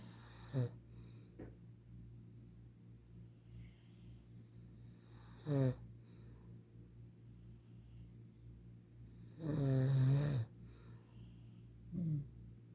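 Short snorting snores, with one longer, louder snore, over a quiet steady hum: sleep snoring.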